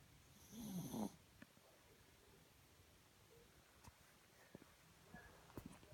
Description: My pomeranians mochi and Kona sleeping and snoring